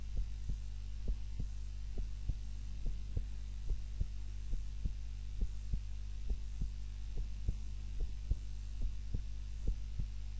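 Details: Soft, steady heartbeat at about 70 beats per minute over a low hum: normal heart sounds, self-recorded on a timer during a nap while lying on the back (supine) instead of the usual prone position.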